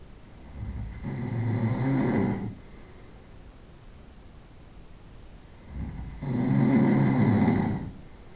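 Two long, rough, rattling snores on in-breaths with quiet pauses between, heard in a small room; ordinary night-time snoring.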